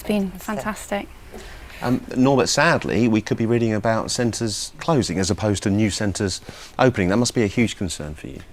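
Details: Adult male speaker; fluent speech.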